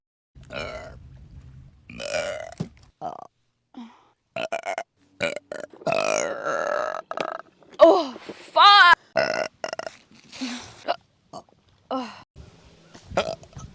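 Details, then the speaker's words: A run of loud, throaty burps of varying length from a young woman, broken up by brief speech; repeated belching in a burp compilation. "I burp way too much guys"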